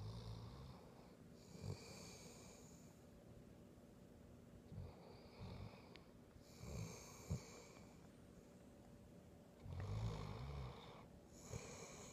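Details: Dog asleep, described as an extremely loud snorer: low, rumbling snores with soft snorts recurring every few seconds in a quiet room: snoring.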